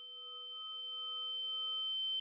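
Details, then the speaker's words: A simulated tinnitus sound: a steady, piercing high-pitched ringing that slowly grows louder, the buzzing heard in the ears with tinnitus. "Ce que vous venez d'entendre, vous l'avez deviné, c'est des acouphènes, des petits bourdonnements très énervants qu'on entend dans nos oreilles."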